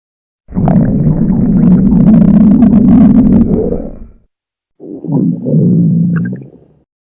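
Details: Morning stomach growl, short recording: two long, loud, low gurgling rumbles from the belly; normal stomach growling (borborygmi).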